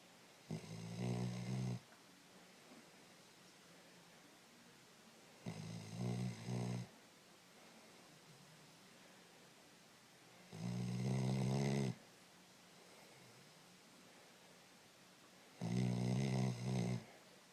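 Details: Sleeping dog: four slow, rumbling snores about one every five seconds in a quiet room; snoring.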